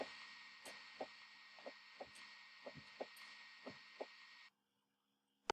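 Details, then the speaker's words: Normal lub-dub heart sounds from the closing of the heart valves, in a circulation lesson: paired heartbeat thumps at about 60 a minute over a steady hum. "And if you had paid attention, or maybe you can go back and look at that video, the sound of your heartbeat, so that bump bump or lub dub, as they like to say in the textbooks, is actually the valves closing."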